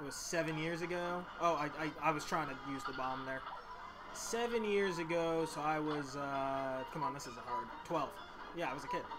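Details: Male speaker who stutters, reading a story text aloud; he says his stutter won't let him read part of it at that moment: stuttering.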